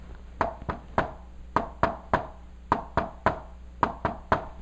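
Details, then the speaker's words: Imitated S3 gallop, tapped out as a three-beat rhythm with an extra sound just after S2; described as a left-sided S3 heard at the apex in left lateral decubitus, or a right-sided S3 at the tricuspid area. "that's S3 you can also hear it right at the between the fourth and the fifth right here in the trius region that's the right sided S3 that's how you know it"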